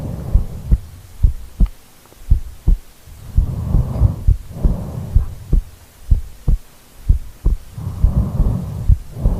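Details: Normal heartbeat recorded in real time from a sleeping person who rolled over during a sleep recording, with snoring also present.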